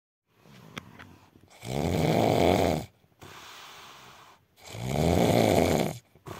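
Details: Adult man (husband) snoring in his sleep: two long, loud rattling snores on breathing in, each followed by a softer breath out, about every three seconds; edited recording; snoring.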